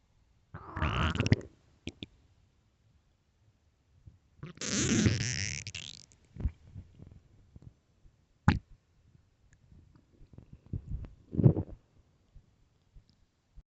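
Long gurgling growls and bubbly squelches from the belly, typical hunger rumbling of the gut.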